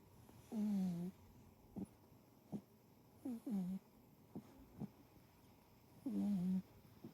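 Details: Sleeping tortoiseshell cat snoring loudly in deep sleep, with short, low, rattly snorts and buzzing snores at irregular intervals; ordinary snoring.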